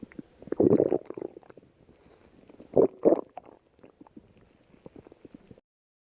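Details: Bursts of bubbly, gurgling rumbles, two louder runs and scattered small pops, heard while lying down; ordinary stomach and bowel growling (borborygmi).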